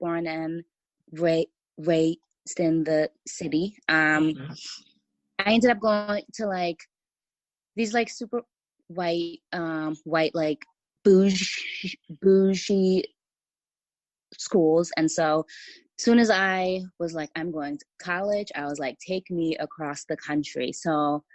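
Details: Stuttering in an adult woman writer from Los Angeles who says she has a stutter that listeners may hear.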